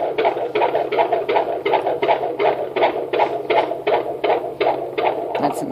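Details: Fetal heartbeat on Doppler at 20 weeks (5 months) of pregnancy: rapid, regular whooshing pulses at about 160 beats per minute, a normal fetal heart rate.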